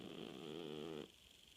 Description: Puja the cat, snoring the night away...